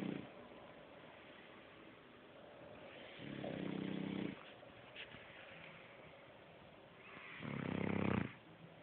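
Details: Shar Pei dog wheezing: two loud, rough, snore-like breaths with a wheezy, partly tonal quality.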